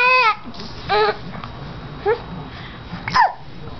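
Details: 5-month-old infant with hiccups amid laughing and crying: about four abrupt voiced squeaks in four seconds, each a brief catch of the voice; infant hiccups.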